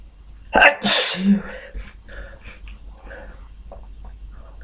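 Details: Sharp gasping intake runs into one forceful, explosive sneeze, then quiet room noise and faint murmuring; ordinary sneeze.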